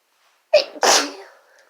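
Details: Sneeze induced by chhinkni sneezing powder: a single sneeze, a short intake followed by a sharp, explosive burst of air in a quiet room.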